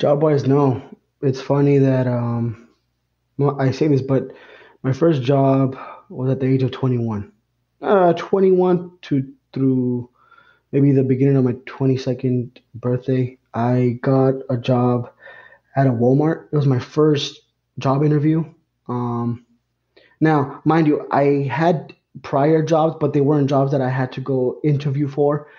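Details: Adult man, lifelong stutterer; he reports pausing, stumbling and substituting words he cannot say; stuttering.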